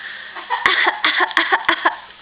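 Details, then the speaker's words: Infant in a new toy walker gives three short, light coughs in quick succession, a deliberate fake cough for attention rather than illness. "It sounds like that's a fake cough."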